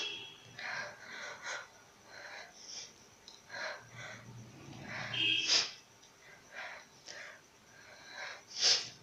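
Acted sneezes: quick breathy intakes build up, then two sharp, hissing bursts, the second near the end.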